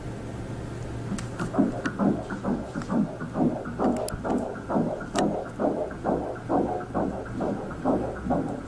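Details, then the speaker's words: Normal fetal heartbeat recorded by an obstetrician through the womb: rapid, regular whooshing pulsations at about 133 per minute. "e eu trouxe aqui pra vocês um vídeo que um obstetra cuca pegou sobre o coração do bebê olha só"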